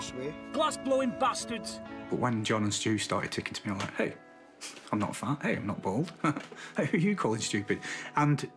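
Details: Adult man with Tourette syndrome, a member of a Tourette's support group; vocal tics with coprolalia.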